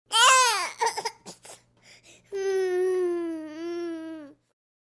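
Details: Infant boy's upset wail, then short broken sobs and a long sustained cry; ordinary distressed baby crying, sound-effects library recording.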